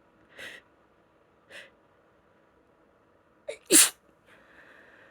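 Two soft inward breaths, then a quick catch and a loud explosive sneeze, followed by a faint sniff; a single allergy sneeze.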